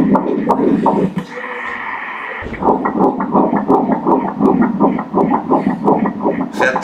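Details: Doppler fetal heartbeats in a twin pregnancy at 10 weeks 1 day, with two placentas and a separating membrane: rapid, regular whooshing pulses near 168 beats per minute. Normal fetal heart rate.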